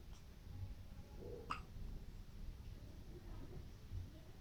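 A single abrupt, short hiccup over a low steady room hum; an ordinary newborn hiccup.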